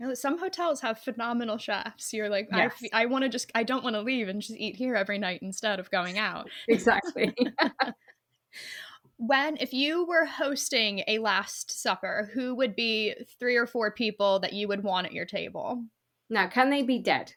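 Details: Adult; typical speech.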